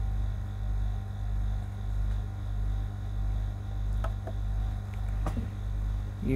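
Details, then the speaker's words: BMC RESmart BiPAP (model YT-30, pressure up to 30) demonstration, machine just switched on with IPAP pressure varying: steady low motor hum with gentle regular swells of airflow. "Machine on के हमने है तो यहां पर हमें यह ऊपर pressure दिख रहा है कि IPS कम ज्यादा हो रहा है"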